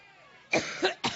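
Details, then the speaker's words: A woman coughing during a Labor Day campaign speech in Cleveland, Ohio. She jokes she gets allergic thinking about Trump. Two short, harsh, dry cough bursts after quiet room sound. "I've been talking so every time I think about Trump I get allergic"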